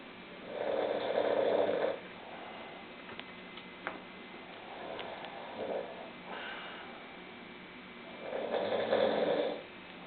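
Rough, rattling snores about every four seconds, with softer noisy breathing between; ordinary snoring.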